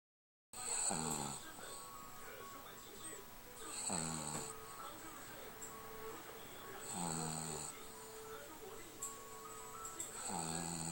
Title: 睡覺愛打呼的 (20130206) Snoring